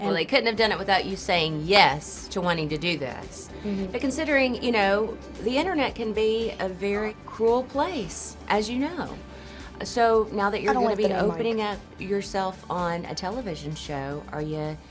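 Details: Adult woman, interviewer; Normal speech.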